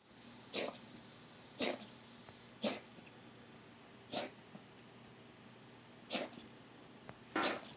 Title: Willow coughing. for Vet